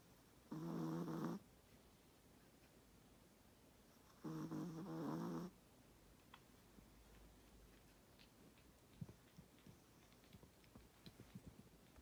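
Two long, rumbling snores about three seconds apart, with quiet room noise between; a sleeping dog snoring.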